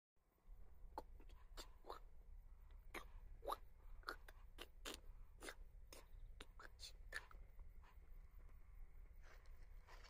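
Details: Adult male using esophageal speech after surgery for hypopharyngeal cancer; esophageal speech.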